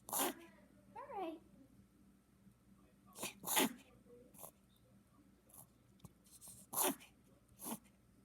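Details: Small puppy: several sharp, noisy snorting bursts with air pulled rapidly in through the nose and a brief whimper, reverse sneezing.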